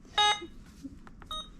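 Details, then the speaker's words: Alaris IV infusion pump being programmed for a sodium chloride bag at 125 mL/hour, volume to be infused set to 950 mL: clear electronic beep, soft keypad clicks, then a second shorter beep; IV pump keypad beeps. "so what I'm going to actually do is program it for 950 milliliters why that way my bag is not stuck to dry"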